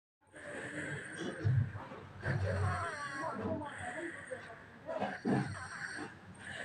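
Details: Child snoring during sleep: low, rough rumbling breaths repeating every few seconds with soft snorts.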